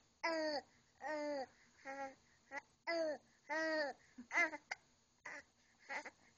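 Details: Young child talking with hiccups: short voiced babbling bursts, some broken by abrupt hiccup-like catches.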